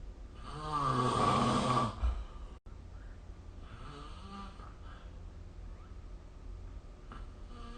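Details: Snoring during sleep recorded with the SnoreLab app: a loud rattling snore on one breath, then a softer one, over quiet room noise.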